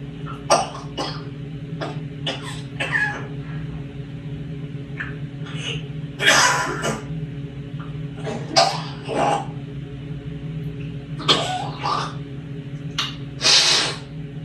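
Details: Rescue parrot producing repeated short, harsh cough-like bursts and throat-clearing noises, imitating a human cough.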